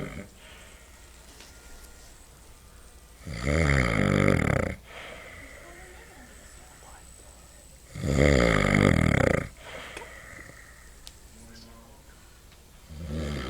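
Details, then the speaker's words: Adult man (a dad) asleep, giving very loud, rough, rattling snores about every 5 seconds, each over a second long, with quiet breathing between; loud snoring. "Yeah, you were snoring so loud. Oh my god."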